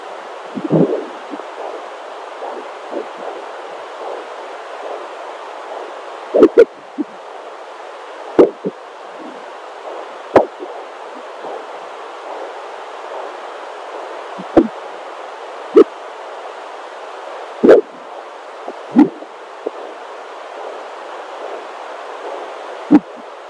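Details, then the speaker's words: Fetal heartbeat at 19 weeks of pregnancy on a home Doppler recorded via iPhone: a steady swooshing heartbeat, then about eight sharp, loud thumps from an unusually active baby's kicks. "it was just a heartbeat constant and I thought oh so sweet so nice and then kick kick kick and I caught so many kicks and the baby was really active"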